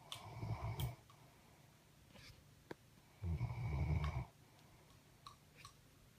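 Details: A sleeping dog snoring hard: two loud, rattling snores about three seconds apart, with quiet breathing between.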